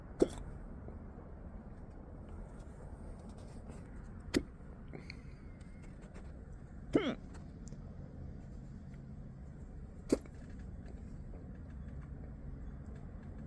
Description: I had the hiccups earlier this morning but they went away quick, then came back again full force after lunch! Guess I'm stuck with them now.